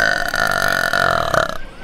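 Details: Female streamer burping: one long, loud, sustained belch lasting nearly two seconds.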